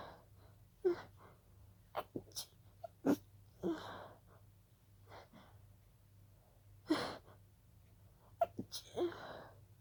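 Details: Breathy stifled sneezes: repeated held-back sneezes with sharp catches of breath, a sneezing fit that started as pollen allergy.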